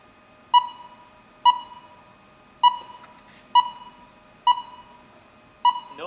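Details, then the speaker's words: Sharp, evenly pitched beeps about once a second from a DM7000 defibrillator monitor in AED mode analysing a normal simulated ECG rhythm; no shock advised. "because this is the normal ecd VI so do not suggest to shock"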